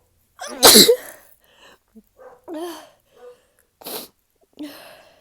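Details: Deliberately induced sneezing: one loud explosive sneeze, then small vocal sounds and a second, softer sneeze-like burst.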